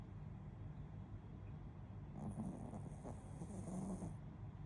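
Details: Low rumbling snore with a soft whistling note on the breath from a sleeping Shih Tzu; snoring.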